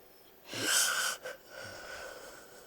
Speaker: so now I I don't know if it's when I breathing like that I don't know if they are coming in or they have left me now